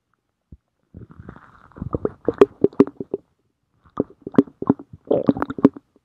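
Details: A person's stomach growling: borborygmi.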